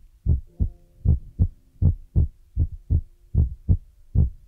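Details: ASMR ear-massage recording with feather rod and brush sounds; steady paired lub-dub thumps about 78 a minute with a faint hum behind: heartbeat.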